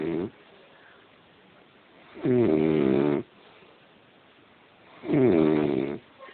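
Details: Drunk man passed out snoring: loud, rattling, voiced snores repeating about every three seconds, roughly 20 a minute, with quiet pauses between.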